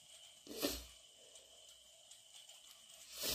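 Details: Induced sneezing linked to cat allergy: a single sharp, explosive sneeze, then quiet room noise and the start of another.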